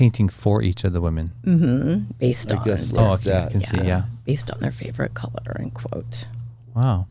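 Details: Adult speaker, low-pitched voice; normal speech.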